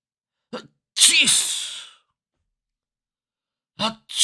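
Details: Recorded sound-effect clip of a person sneezing: a short intake of breath, then an explosive hissing sneeze, followed by another sharp burst; ordinary sneezing, from a compilation of varied sneeze styles.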